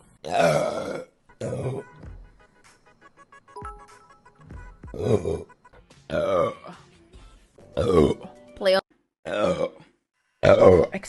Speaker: Sorry. Thanks. I'm going to burp.